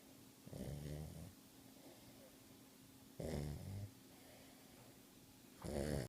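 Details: Snoring while asleep with eyes open: soft, low, fluttering snores recurring every few seconds against a quiet room hum.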